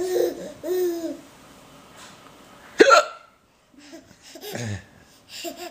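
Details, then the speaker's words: Adult man (a father) with hiccups: a single sharp, abrupt hiccup, with a baby laughing and babbling around it. "Oh. Daddy's got the hiccups."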